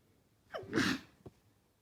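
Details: One of a series of eight sneezes: a brief voiced intake of breath, then an explosive burst of air, with a faint sniff after.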